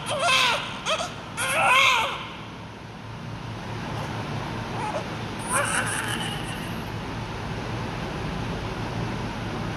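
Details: Newborn baby: loud bursts of crying, then quieter whimpers over steady background noise; a vigorous cry of an active baby.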